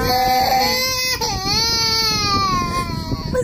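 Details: A baby cries in sustained, high, wavering wails with short breaks, with music in the recording; ordinary infant crying.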